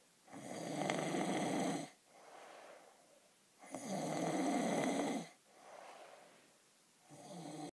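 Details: Nighttime snoring recorded by another person: loud, harsh rattling snores on each breath in, with quieter breaths out, at about 18 breaths per minute.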